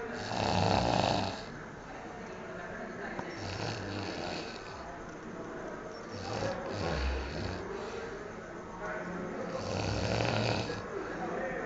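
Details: Loud, rough snores from a sleeping man, recurring about 20 breaths a minute with quieter gaps, loud enough to be heard from the next room; ordinary snoring.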